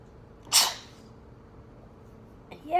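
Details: Single sharp, hissing sneeze deliberately induced with a piece of tissue in the nose, after earlier pepper and Q-tip attempts, followed by quiet room noise and speech.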